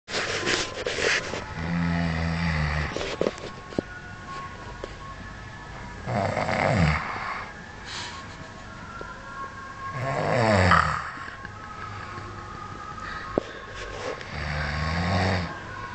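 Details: Low rattling snores recur about every four seconds, roughly 15 a minute, over steady room noise; snoring.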